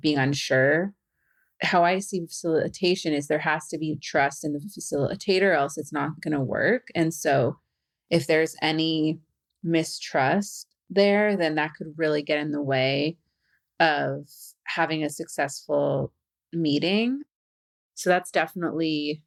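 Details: Adult woman who stutters, a facilitator and stuttering podcast host; stuttering.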